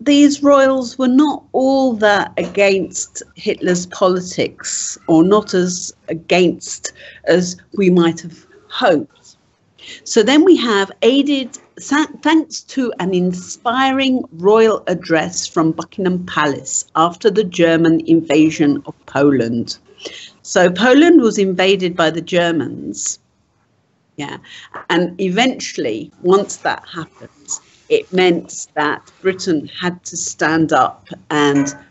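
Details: Adult speaker; typical speech.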